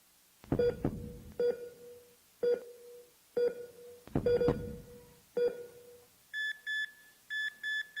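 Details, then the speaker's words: Simulated cardiac monitor: heartbeat thuds with beeps near 60 a minute, weakening and fading, then a shift to higher rapid tones signalling cardiac arrest and death. "네, 무슨 소리인가요? 심장 소리가 들리다가 점점 약해지고 결국에는 멈추는 그런 소리입니다. 사람의 죽음을 알리는 소리이지요."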